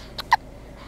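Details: One-month-old baby hiccuping right after breastfeeding, content and drowsy: two short, sharp hiccup sounds close together, ordinary post-feeding infant hiccups.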